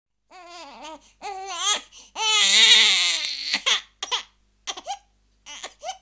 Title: Bruitage bebe qui pleure - crying baby sound - صوت بكاء الرضيع